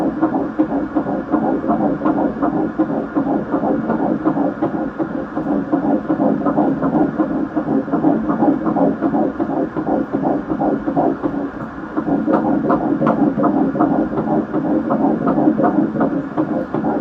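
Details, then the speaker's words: Fetal heartbeat on ultrasound at a first OB visit at 11 weeks 3 days of a third pregnancy; a single healthy baby with fast, rhythmic whooshing pulses at roughly 160 beats a minute. "wow it's always such a relief to hear the heartbeat"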